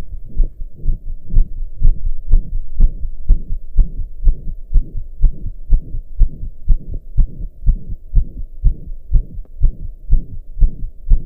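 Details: Self-recorded heartbeat while lying down, after hours of pounding hard: regular beat about 120 a minute with a whooshing sound between beats; loud heart murmur.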